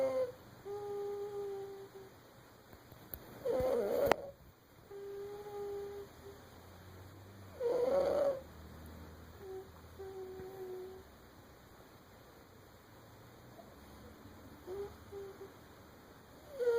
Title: Snoring baby